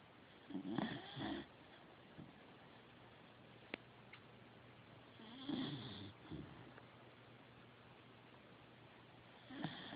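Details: Sleeping Corgi dog snoring: rough snoring bursts, about two in ten seconds, with quiet breathing between and faint room noise. Snoring.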